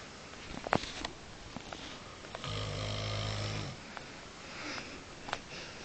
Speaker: Okay, that was my dad snoring in bed.